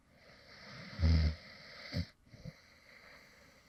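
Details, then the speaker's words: Light snoring recorded from a man who fell asleep partway through recording a previous video; a single low rattling snore, then a couple of softer snorts against quiet room hiss. "this is actually some light snoring sounds from me when I actually fell asleep in the middle of recording a previous video."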